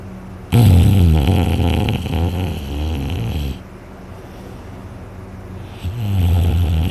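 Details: Person snoring heavily in sleep, very tired after a day of hunting, with a sore throat afterward: one long, loud, rattling inhaled snore, a quiet stretch, then the next snore starting.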